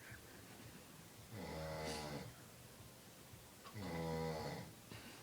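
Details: A father snoring after a long hard day at work, possibly gritting his teeth, with someone laughing and snorting in the background: two deep, rumbling snores on in-breaths with quiet breathing between; snoring.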